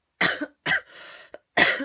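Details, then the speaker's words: Three short, harsh, dry-sounding coughs with a quick breath in between, from an adult woman with a lingering cough that has made her voice croaky; cough. "f got this like cough which every time you say cough you want to cough that um I can't Zo get rid of so if I sound a little bit croaky that's why and also that I will keep coughing"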